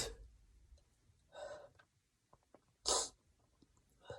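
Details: Stifled and wet sneezes, with chhinkni mentioned alongside: two short bursts of air through a partly closed mouth, held-back sneezes, with soft breathing between.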